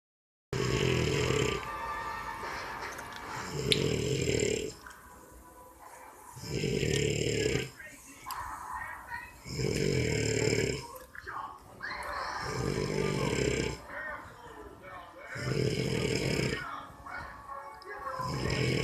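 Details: Snoring on New Year's Eve at 10pm: loud, rough, rumbling snores with each breath, about six in the stretch, with quieter pauses between; heavy snoring.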